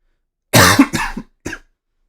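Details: A short run of three dry cough bursts in a quiet room.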